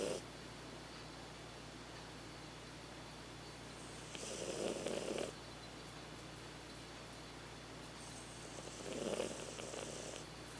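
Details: Two slow rasping snores about five seconds apart over a steady low hum from a sleeping dog; ordinary snoring.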